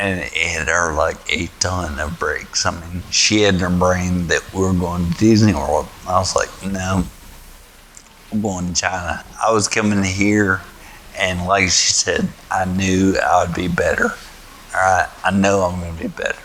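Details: 38-year-old man with spinocerebellar ataxia type 1, found at 33, affecting walking, vision, writing and speech; he still sounds a little slurry, though his speech reportedly improved after stem cell treatment: mild ataxic dysarthria.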